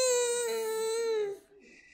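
A single sustained, clear, high-pitched wail that slowly falls in pitch and fades: an ordinary infant cry.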